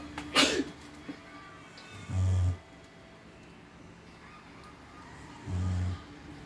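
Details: A brief, sharp snort, then two loud, low, rattling snoring breaths about three seconds apart.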